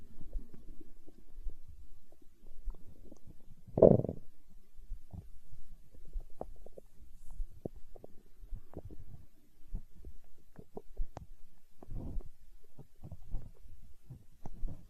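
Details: Stomach growling (borborygmi), hunger sounds from an ASMR recording: quiet gurgles and low bubbling rumbles with a louder growl near the start.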